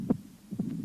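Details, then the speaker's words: Mitral stenosis heard at the cardiac apex: a loud snapping first heart sound, a second sound, then a mitral opening snap and a low rumbling diastolic murmur from narrowed left atrioventricular orifice. "при митральном стенозе на верхушке слышен хлопающий первый тон щелчок открытия митрального клапана и диастолический Шум"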